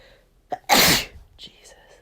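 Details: Single forceful, chesty sneeze after a short in-breath, then faint breathing; one of many sneezes from cleaning dust in a room, sneezer not usually allergic or nose-sensitive.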